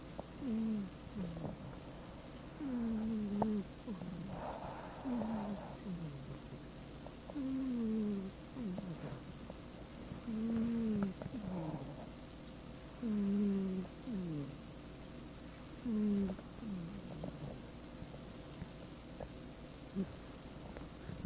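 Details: A sleeping pet cat snores with soft, squeaky whistling sounds on each breath, about 22 breaths a minute: snoring.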